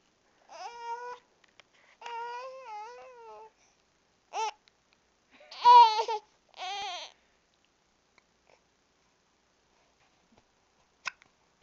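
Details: Infant crying because of hiccups: fussing and crying in short bursts with brief sharp hiccup catches between them.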